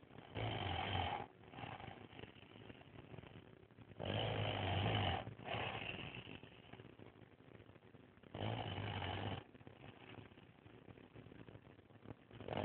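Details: Heavy snoring from a sleeping Asian man, recorded by his fiancée because he snores too much and loudly: loud, rough, rattling snores in long bursts about every four seconds, quieter breathing between.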